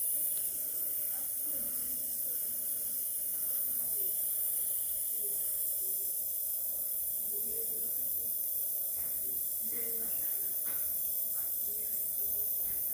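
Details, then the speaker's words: Steady, unbroken airy hiss with a faint hum and soft distant room sounds: nebulizer running during an aerosol inhalation treatment for an asthma attack in the emergency department; nebulizer running. "Et puis après, bah, je sors, quoi. J'ai le droit à 2 aérosols, 2 inhalations, là."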